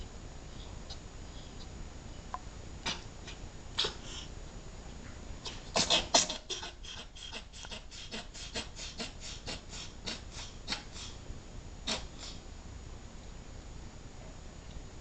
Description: This is Cammie doing a Reverse Sneeze.